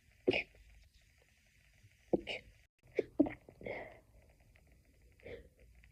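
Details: A stifled sneezing fit: five short, muffled bursts, each a quick catch of breath and a suppressed release, a run of held-back sneezes.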